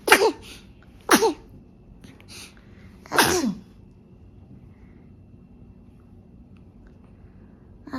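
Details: Newborn baby, 7 days old, gives three quick, high-pitched sneezes in a quiet room; hiccups also noted at this age; sneeze.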